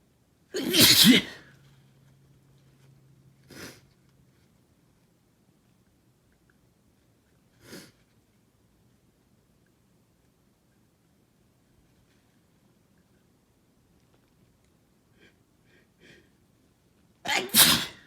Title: Itchy Wet Sneezing